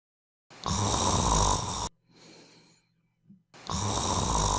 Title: Snoring Sleep Apnoea with Sound